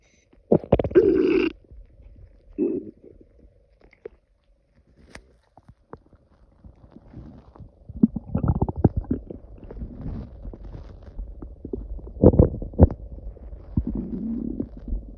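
Low gurgling rumbles and bubbling bursts come and go over a quiet background, typical of loud stomach growling (bowel sounds).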